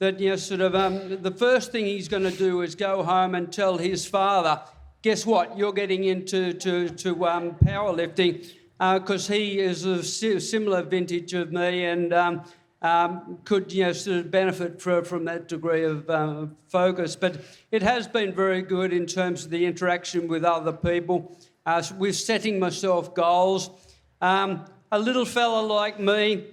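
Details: Parkinson's disease diagnosed February 2022, about three years earlier, in an adult man receiving speech pathology; reading aloud leaves him out of breath. Hypokinetic dysarthria with stammering.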